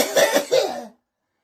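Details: A short burst of two or three harsh coughs that trails off, caused by a malfunctioning vagus nerve stimulator (VNS) for epilepsy, with coughing reported as severe; patient not choking; device reset attempted.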